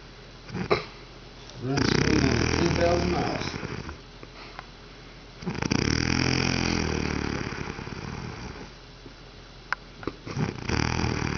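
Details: A sleeping female gives two long, loud, rough, vibrating in-breaths several seconds apart with quiet pauses between; heavy snoring.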